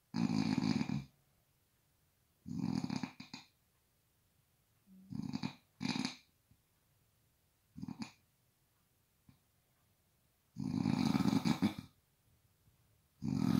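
Loud rough rattling breaths in uneven bursts with quiet gaps between; snoring.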